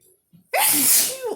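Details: Sneezing fit, person saying "I gotta sneeze"; a brief quiet intake, then one loud explosive sneeze with a voiced tail.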